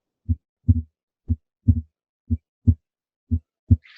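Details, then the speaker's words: Simulated normal heart sounds on a Harvey cardiopulmonary simulator, timed with respiration: clean low lub-dub thumps, about 60 a minute, slightly uneven spacing with breathing, no murmur. "if you listen very carefully not only does he have these heart sounds present throughout all the classical sculptory areas but Harvey's heart sounds are also timed with respiration"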